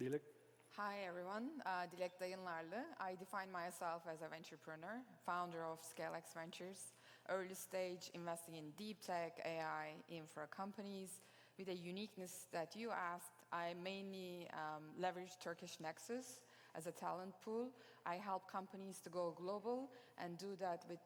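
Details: Adult woman speaking; normal speech.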